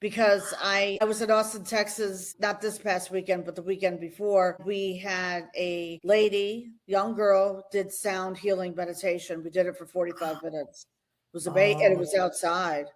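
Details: Adult woman speaking; normal speech.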